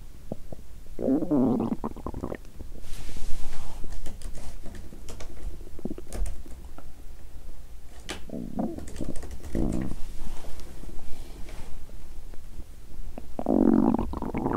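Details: Loud, low gurgling stomach rumbles in bursts, with squeaky, bubbling stretches and quiet gaps, from a person who exercised on an empty stomach and felt unwell; hunger growling with some digestion sounds.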